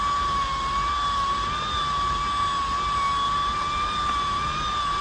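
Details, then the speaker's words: Steady, slightly wavering motor whine of a handheld prenatal fetal-stimulation massager held against the abdomen; a demonstration. "อยากเพิ่มจังหวะก็ให้กดอีก1ครั้งค่ะมันก็จะหมุนเร็วขึ้นนะคะ"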